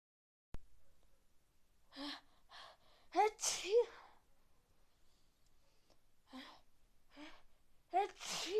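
A gasping intake followed by a burst, repeated as several sneezes in a quiet room; a run of sneezing as with a bad cold.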